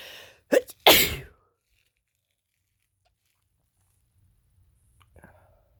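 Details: Male sneezing, feeling tickly all day and possibly coming down with a cold just after recovering from one: a quick in-breath followed by one loud, forceful sneeze, then quiet.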